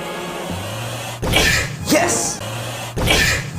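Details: Adult male sneeze: a quick rising voiced intake breaks into a sharp, hissing burst among short noisy bursts; sneeze.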